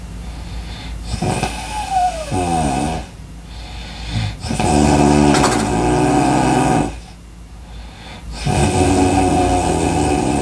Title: Breathing Loud Sounds snoring Sounds good for studying #entertainment #viral #video